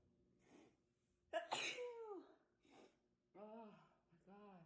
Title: Some single sneezes